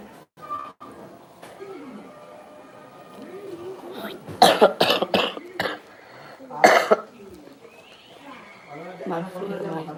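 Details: Adult with a sore throat, blocked nose and losing voice, drinking ginger tea: a burst of about five harsh coughs, then one more, amid faint talk and room noise; cough during a throat and nose illness.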